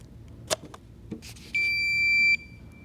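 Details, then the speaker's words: A few clicks and handling sounds as an automated external defibrillator is taken off the wall and opened, then a steady high electronic beep under a second: the AED start-up alert before voice prompts, in a demonstration. "you get this down off of the uh wall and you open it up and you can see here that there is a little item that pulls up and when you do that you'll notice this uh you know spooky robot voice will start telling you what to do"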